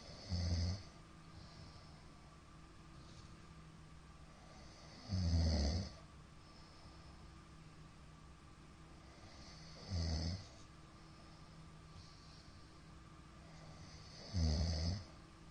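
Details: Middle-aged man's (ojisan) snoring during sleep: low, rough snores about every five seconds, roughly 12 a minute, with quiet gaps; frequent shallow hypopneas suggest sleep apnea syndrome.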